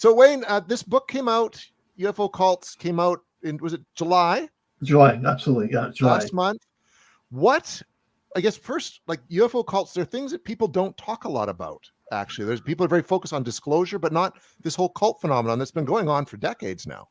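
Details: Adult male speaker; typical speech.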